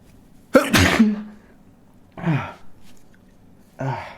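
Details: An adult induces sneezing with a stiff paper tag, now in the other nostril: a loud explosive sneeze, then two shorter voiced bursts like smaller sneezes or exclamations.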